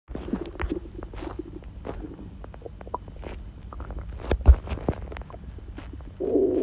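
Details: Rapid, nearly continuous gurgles, pops and low rumbling from the abdomen during diarrhea; hyperactive bowel sounds (borborygmi).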